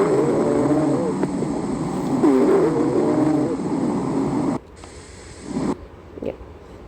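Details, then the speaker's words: Teaching example of a polyphonic wheeze, a high-pitched hissing sound with multiple tones, here one high and one low, from dynamic small-airway compression at the bronchiole level. "Polyonic which has multiple tone. See it has two one high pitch one low."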